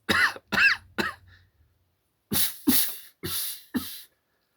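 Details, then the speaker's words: Voluntary cough demonstration showing how to minimize cough noise by coughing through a very small hole in the fist to create resistance: seven short, deliberate coughs in two groups, the later ones hissing and muffled. "First of all you create resistance uh from the cough. So you can take your fist, make a small make a very small hole and that is much more silent"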